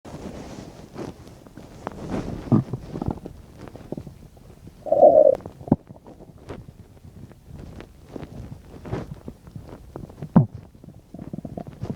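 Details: Adult's abdomen 10–15 minutes after eating a bean and cheese burrito: irregular gurgles, squelches and low rumbles, with one louder gurgling burst midway; normal active bowel sounds (borborygmi).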